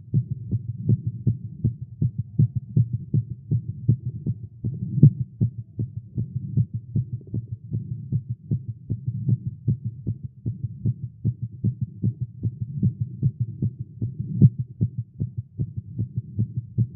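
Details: Male, exercising with caffeine; tagged irregular heartbeat. A rapid, pounding heartbeat at roughly 150–160 beats a minute with slightly uneven spacing: a fast heartbeat.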